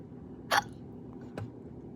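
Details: A person who has just woken up has hiccups: two short, abrupt throat catches about a second apart over room noise.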